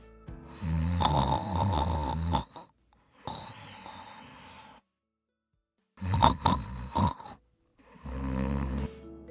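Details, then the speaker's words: Obstructive sleep apnea demonstration: loud, harsh snoring broken by a silent pause as the throat muscles collapse and the airway closes, then snorting, gasping bursts. "No es solo vibración. Los músculos de tu garganta se colapsan completamente. Tu vía aérea se cierra como si alguien te pusiera las manos en el cuello durante 10 segundos o más."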